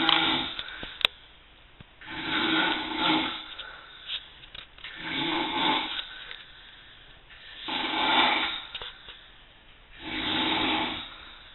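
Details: An adult man snoring during sleep: rhythmic rasping snores, about five in eleven seconds, each a harsh fluttering in-breath with quieter out-breaths between; loud snoring.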